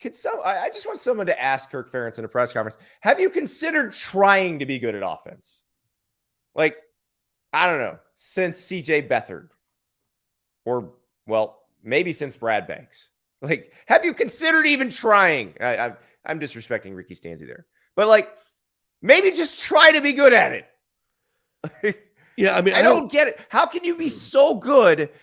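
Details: Adult man speaking; Conversational speech.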